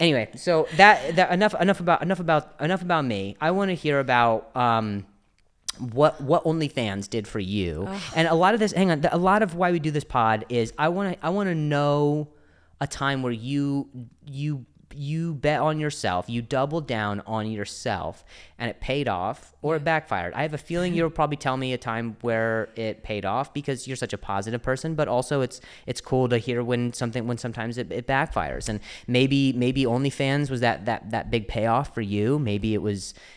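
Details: Stuttering in an adult male comedian speaking conversationally in English; he discusses his injury and his stutter; word and phrase repetitions.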